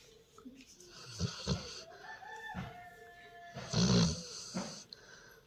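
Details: Sleeping Labrador dog snoring: low, rough snorting bursts, some louder than others, over faint tonal background sounds.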